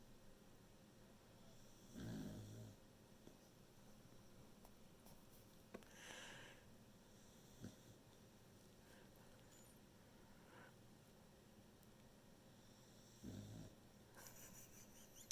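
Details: A sleeping beagle, tired from its owner working from home, gives low, rumbling, widely spaced snores against quiet room noise. Snoring.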